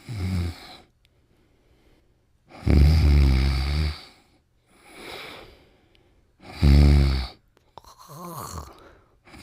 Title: Pimples Snoring & Dreaming